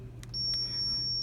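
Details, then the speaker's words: Zoll defibrillator charging tone during a crash cart check: a couple of short beeps, then a steady high-pitched tone as it charges at 30 joules for a test, not on a patient. "what I'm gonna do is knock it down to 30 because that's test julik so now that said at 30 I'm gonna press charge"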